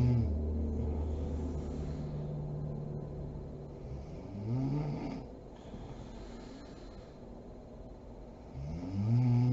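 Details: Mother snoring while asleep: two low, vibrating snores about four seconds apart over a soft background hiss; ordinary snoring.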